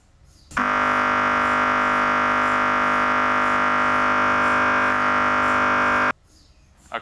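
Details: MRI scanner acoustic noise: loud, steady, rapid buzzing drone lasting about five and a half seconds, then stopping, during the first scan of a brain MRI with a head coil at a university research imaging centre.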